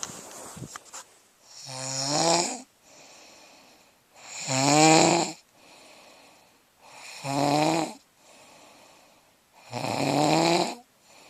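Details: Snoring with loud, regular, rattling snores on each in-breath, about 22 a minute, with quieter out-breaths between.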